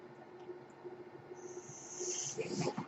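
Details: Mechanical ventilator sound heard during a podcast recording, which the user identifies as their own ventilator: a steady low hum, then a rising high airy hiss and puffing bursts as each breath is delivered.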